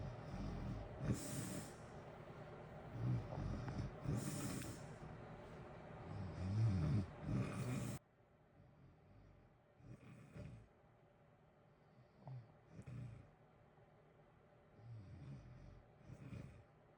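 Rough, low snores recur through sleep, louder at first and then softer, over a steady hiss of background heater noise.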